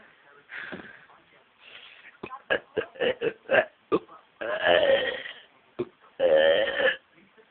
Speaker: Shall I do EastEnders tune in burps?